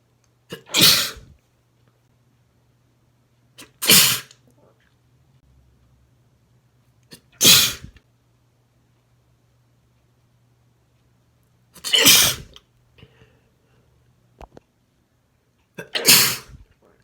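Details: Five explosive, wet male sneezes, each with a brief intake before the burst, spaced a few seconds apart in a quiet room, from a compilation of his own sneezes (some induced).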